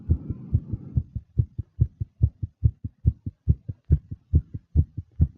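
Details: Fast, nervous heartbeat of a female: rapid, regular, low thumping at about 140 beats a minute, with breathing noise at the start; tachycardia.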